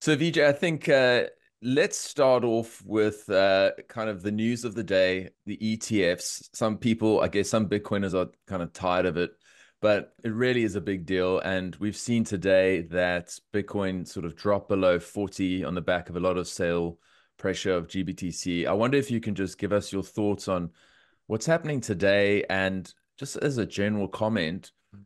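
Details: Adult male speaker; ordinary speech.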